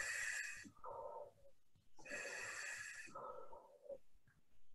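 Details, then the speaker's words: Ventilator in pressure assist mode on a test lung, delivering baseline apnea breaths before patient-triggered breaths: two bursts of rushing airflow, each followed by a softer exhalation. "ahead and start recording some data from the vent and we're gonna let it just do a couple of apnea breaths first so that we can see what the baseline looks like"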